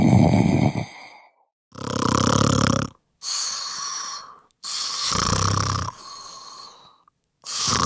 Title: Snoring sound effects